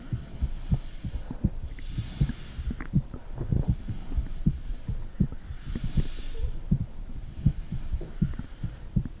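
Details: Mother's heartbeat recorded by phone microphone on her stomach during a heartbeat check comparing both hearts, with gurgling noises.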